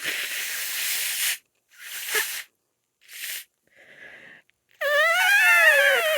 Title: Allergy sneezes and nose blow #allergy #female